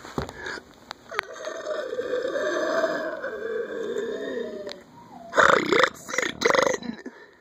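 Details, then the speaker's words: Girl deliberately producing burps on request: a long, deep, drawn-out burp, then two loud short burps; voluntary belching. "so today I'm going to do what I like to call my satanic burps you'll see what I mean get ready"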